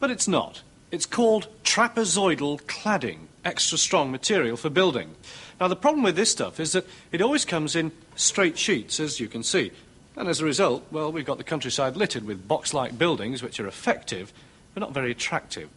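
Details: Adult male presenter; normal speech.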